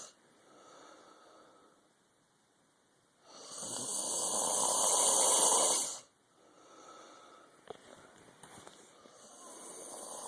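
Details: Snoring: one long, loud, hissing, airy breath lasting about three seconds between quiet stretches, mostly breathy rather than rumbling, with faint room noise.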